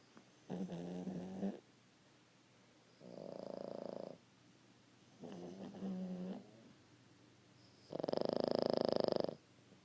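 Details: Sleeping pug snoring: loud rhythmic snores with rattling snorts on the in-breath and softer out-breaths, about 12 breaths a minute, from a small flat-faced dog. Snoring.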